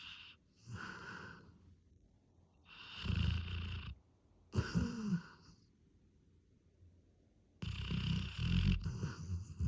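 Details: Irregular rumbling breath sounds with pauses between them; snoring.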